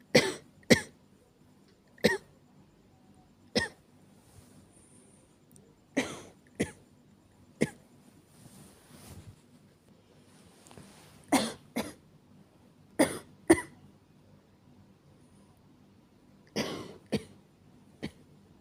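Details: Simulated (acted) night-time coughing of a girlfriend who can't stop coughing: bouts of short, sharp coughs, singly and in pairs, repeating in a quiet room.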